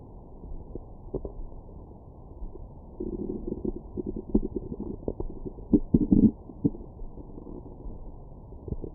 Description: My #StomachGrowls after breakfast.